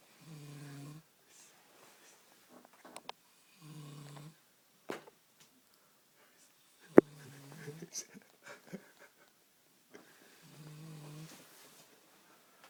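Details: A drunk woman snoring in her sleep: short, buzzing, tonal snores about every three to four seconds, with quiet pauses and small clicks between; ordinary snoring.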